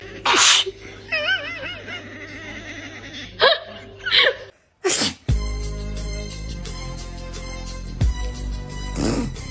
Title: Why do cat meow at sneeze #cat #cats #catvideos #catlovers #catshorts #catlife #catmemes #fyp #funny